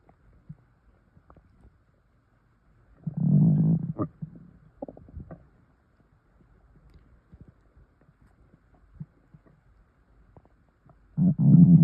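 Bursts of low gurgling rumbles separated by quiet gaps; stomach noises from swallowed air.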